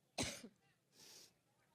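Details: Coughing fit during a campaign rally speech, which the speaker attributes to an allergic reaction: a single loud, harsh cough followed by a softer, breathy throat-clearing.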